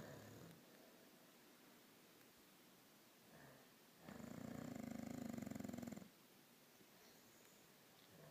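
One long, low, fluttering snore lasting about two seconds in a quiet room: snoring during sleep.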